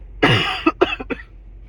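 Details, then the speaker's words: Adult with a cold caught from their partner, mainly nasal symptoms with an intermittent cough that comes and goes: one loud cough followed by two smaller coughs in quick succession. "But I've had a cough, too. Um hasn't been too bad. Um it just comes and comes It just comes and goes."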